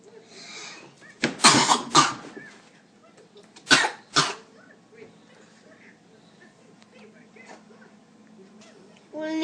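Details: A child with flu holds back a cough, making several muffled, choked-back cough bursts rather than silly noises; suppressed cough.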